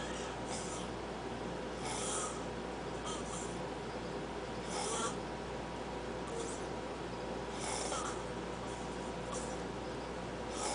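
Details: Young man snoring in sleep: soft, rasping snores recurring about every three seconds over steady background hiss.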